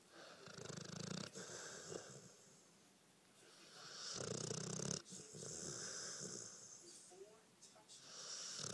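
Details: A 1-year-old Pitbull snoring while dreaming, recorded on a phone at low quality: snoring.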